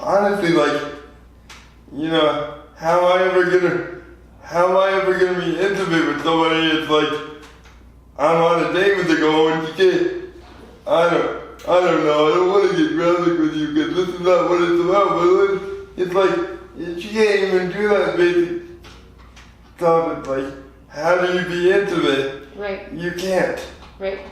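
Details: 24-year-old man with lifelong spastic quadriplegic cerebral palsy from premature birth at 2 lb 4 oz; dysarthria (cerebral palsy).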